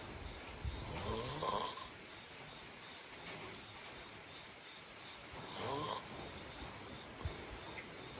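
Two loud rasping snores about four seconds apart over quiet room noise; ordinary snoring during sleep.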